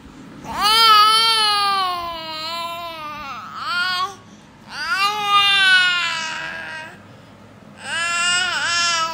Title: Cutest baby crying